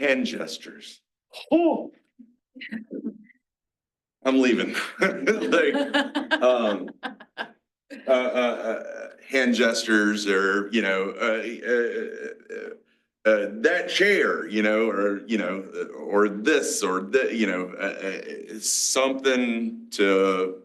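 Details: Aphasia in a 47-year-old male, a mix of Broca's and Wernicke's, after a massive stroke 6 years ago; he had to relearn to talk.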